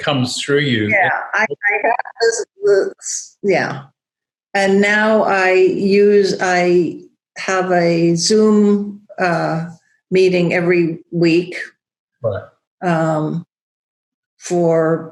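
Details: Non-fluent aphasia after a large stroke affecting Broca's area in a woman who teaches yoga; she still has word-finding trouble and halting speech.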